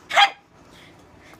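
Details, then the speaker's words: Barking vocal tic in a person with Tourette syndrome: a single sharp, loud bark-like vocal burst, then quiet room sound; their barking tics in public once made people look for a dog. "I used to bark. Oh, that second one was actually a tick. But I bark. We used to bark at the store, and everybody would be looking for the dog."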